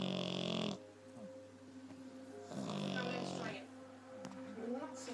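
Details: 11-week-old French bulldog puppy snoring in sleep: two loud, buzzing, rattly breaths a few seconds apart, with faint television sound in the background.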